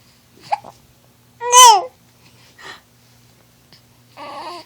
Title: 8week coos and hiccups